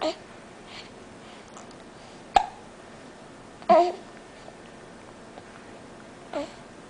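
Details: Baby girl babbling, with a few short, abrupt hiccups over several seconds; ordinary infant hiccups.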